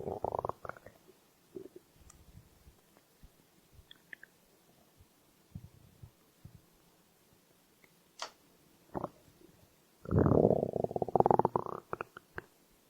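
Irregular gurgles and a long, loud rumbling growl from the belly: ordinary stomach growling, hunger sounds.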